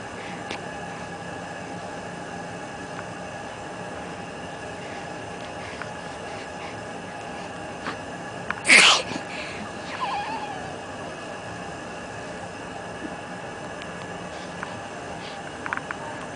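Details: A single sharp sneeze over steady room or vehicle background noise.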